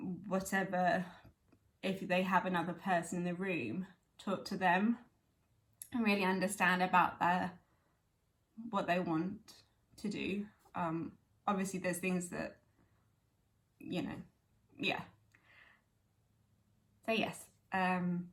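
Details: Woman with aphasia 11 years after a stroke at age 18, speaking spontaneously; aphasia.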